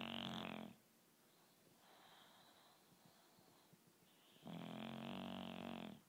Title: My dog snoring like a truck driver - הכלב שלי נוחר כמו נהג משאית